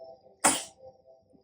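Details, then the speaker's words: A breastfed baby girl, who recently had her first cough, gives a single sharp, hissing sneeze that fades within a third of a second in a quiet room; infant sneeze. "आं मेरा बाबू चिकू छिकू आ गई"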